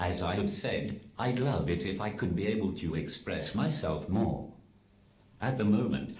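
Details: Adult male communication aid (synthetic voice); Speech-generating device (text-to-speech) voice.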